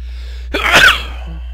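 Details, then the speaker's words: Person deliberately inducing tickly sneezes, a repeat sneeze: one sharp sneeze preceded by a quick intake of breath, over a steady low room hum. "I think I'm gonna sneeze again."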